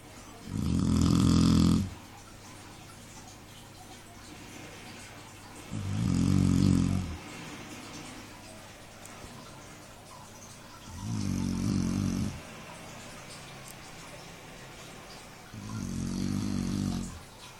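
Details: A dog fast asleep and snoring loudly, as it does most of the night: loud, low rattling snores about every five seconds, roughly 13 a minute, quiet breathing between.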